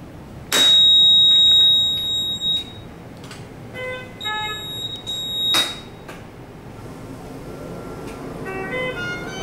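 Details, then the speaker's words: Loud, high-pitched electronic alarm tones, then a repeating melodic beep pattern from a Puritan Bennett 840 ventilator sounding after power-on during calibration testing, before the alarm is silenced with the alarm button. "Mematikan alarm tekan salat alarm tombol ini"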